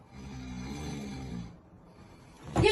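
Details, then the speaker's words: One long, low, rattling snore from a man, acted for comedy in a sketch, followed by a pause and a sudden loud noise; snoring. "شو باقي تعمل انت في حياتك بتشخور هالقده شو في غضاريف عندك في خشومك"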